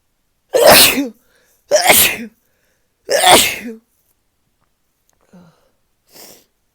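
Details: Morning sneezes on waking, possibly from being sick again: three loud, forceful sneezes in quick succession, then two faint sniffs; a run of repeated sneezing.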